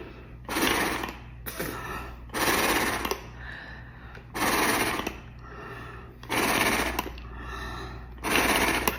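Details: Oscillating positive expiratory pressure airway-clearance device exhalations, shown as a way to clear phlegm in bronchiectasis, asthma, COPD or post-COVID lungs.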